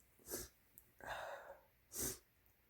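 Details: Several older clips strung together of big sneeze buildups: two sharp, explosive sneezes separated by a drawn-out breathy intake, with nose tickling and false starts.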